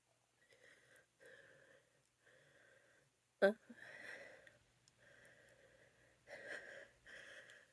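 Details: A female with itchy allergies: several soft, whistly breaths build to one sudden allergic sneeze, followed by more noisy in-breaths.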